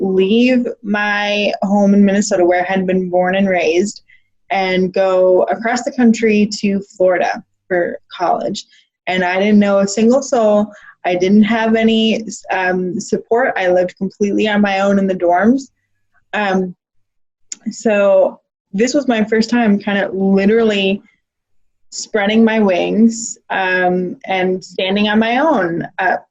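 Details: Adult woman speaking; typical speech.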